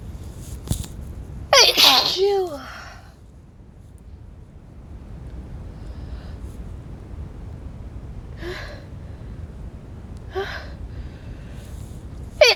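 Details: Wet sneeze with a cold: a rising gasp, then one loud, wet, spraying sneeze, followed by quieter sniffs and breaths.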